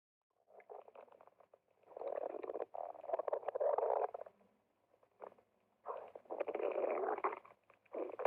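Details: Female stomach growling (borborygmi) while exercising: rumbling, bubbling gurgles in bursts with brief pauses; ordinary gut movement.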